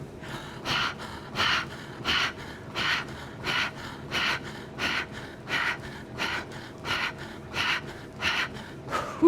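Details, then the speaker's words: Deliberate audible hyperventilation during cardio training with a capnometer (CO2 capnotrainer): rapid forceful breaths about 85 a minute, speeding to one breath per step; end-tidal CO2 dropping below 30 toward 15, causing dizziness. "I'm going to be audible with my hyperventilation so that you can hear so that you can mask correlate that hyperventilation with what's happening with the carbon dioxide which is no bueno"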